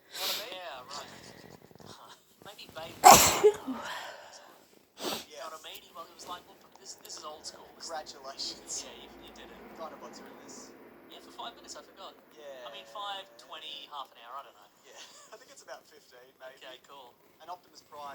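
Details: Head cold with blocked, stuffy nose: one loud explosive induced sneeze, then stuffy sniffing and snorting, part of repeated sneezes, coughing and nose blowing.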